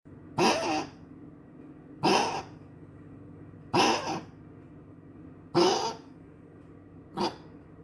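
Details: A dog named Rodeo coughing again: five harsh, short coughs, each separated by a pause of one to two seconds.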